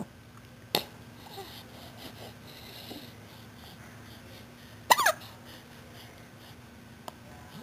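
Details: 3-month-old with hiccups lasting about 15 minutes: sudden sharp hiccup sounds, two clear ones a few seconds apart, with quiet room noise between. Hiccups.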